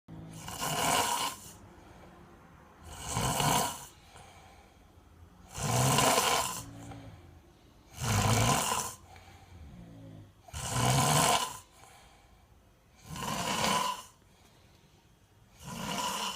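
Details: Child snoring very loudly: regular, rasping snores at about 24 a minute with quieter breaths between them; heavy snoring.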